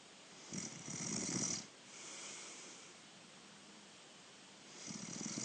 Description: Younger Brother Snoring away!!